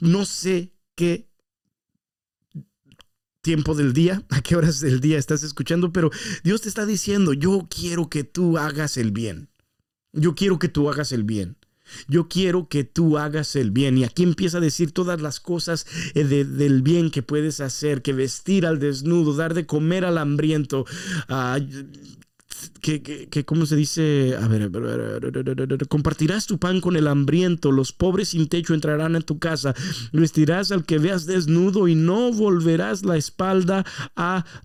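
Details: Spanish-speaking man who stutters, saying it worsens after breaks from recording and was worse on earlier takes than now; stuttering.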